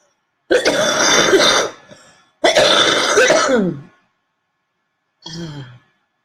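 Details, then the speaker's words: Adult with a cold, mucus settled in the chest: two long, harsh, rattly cough bursts, a chest cough. "You can hear that cough is like really annoying. So all that snot I had going has just settled in my chest."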